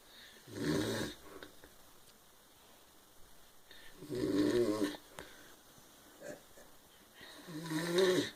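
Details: Brother, who denies snoring, gives three rough, rattling snores at about 17 breaths a minute with quiet pauses between them: snoring.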